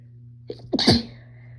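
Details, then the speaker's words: Female sneezing after announcing it: a single sneeze with two quick catching inhalations and then a sharp, explosive burst, over a faint steady hum. "I'm gonna sneeze. You sneeze. Sneeze."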